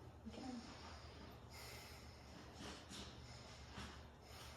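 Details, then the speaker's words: Clear, normal breath sounds with no adventitious sounds, heard with a stethoscope over the back of a seated adult taking deep breaths during a head-to-toe assessment. "So again, lung sounds are clear, no adventitious sounds noted."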